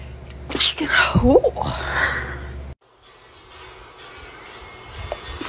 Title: TikTok Sneezing 52